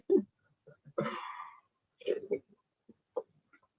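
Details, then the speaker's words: Snoring from a pet beagle sleeping beside her owner while being treated for an ear infection: short, irregular nasal snorts and one longer rasping snore in a quiet room. "noise, if you hear, it's my dog, Zoe. She's snoring right beside me."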